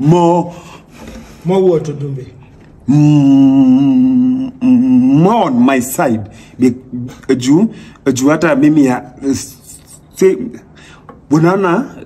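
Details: Adult male speaker, acted; stuttering (acted).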